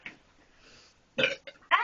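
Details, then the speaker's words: Deliberate attempt to burp after a held burp got stuck: a faint sound, a pause, then a loud throaty burp and two short follow-up burps. "at least i can burp in while i'm in my mouth i have to wait till burp comes back up because now there's air in my chest"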